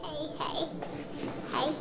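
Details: Nonverbal autistic young girl who mainly babbles and repeats words from familiar people; the finding is babbling with echolalia in nonverbal autism.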